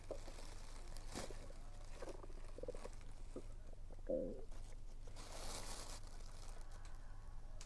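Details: Stomach rumbling (borborygmi) while eating, attributed to low air pressure; low gurgling rumbles over a steady low hum, with one louder gurgle and faint chewing noises.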